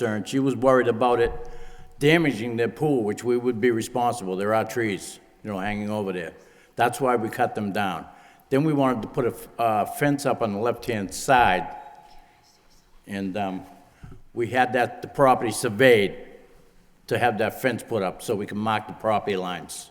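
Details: Adult man speaking; ordinary speech.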